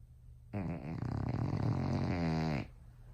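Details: Loud, low-pitched, rattling, fluttering snore from a female Bulldog sleeping in her owners' bed at night: snoring.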